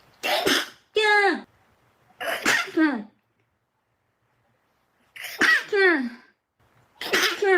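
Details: Young Japanese woman stifling sneezes: four suppressed sneezes, each a sharp burst followed by a short falling squeak of voice, with pauses between.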